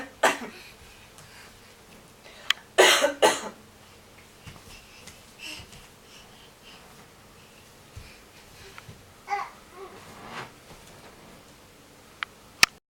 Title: Coughing